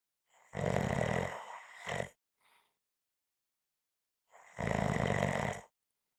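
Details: Snoring in sleep: loud, rough snorting snores with a short gasp-like sound between them.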